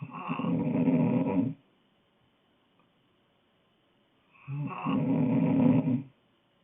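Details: Girl asleep: two loud, rough, rattling snores about 1.5 seconds each, separated by silence, roughly 15 breaths a minute; snoring.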